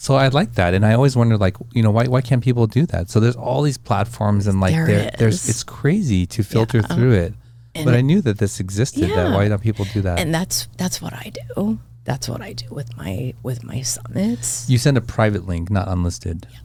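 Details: Adult speaker; normal conversational speech.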